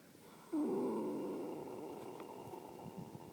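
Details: Resting horse snoring after a tiring morning of natural horsemanship class: a single long, rough, fluttering rumble starting abruptly and fading over about three seconds.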